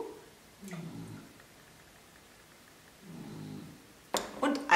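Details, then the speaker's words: A dog snores in two soft, rattling breaths about three seconds apart, followed by a clatter of kitchen noise; dog snoring in the background. "And in the background my dog is snoring, I think you can hear it quite well ..."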